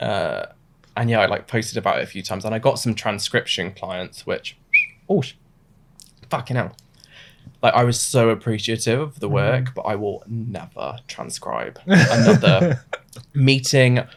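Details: Adult male with Tourette syndrome, diagnosed suddenly in his mid-twenties; involuntary vocal tic mid-sentence; vocal tics (Tourette syndrome).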